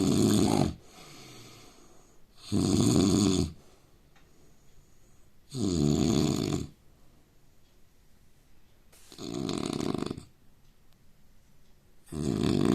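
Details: Indian man snoring: loud rattling snores on each breath in, about 5 a minute, with quieter breathing out between; habitual snoring.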